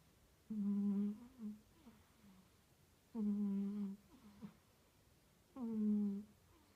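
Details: Sleeping female cat on a suitcase: soft tonal humming snores with each breath, roughly 23 to 26 a minute, in a quiet room; ordinary snoring.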